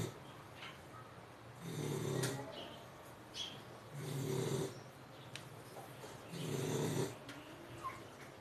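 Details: American bully dog snoring in sleep: loud rumbling snores on each breath in, about three in eight seconds, with quieter breathing out between.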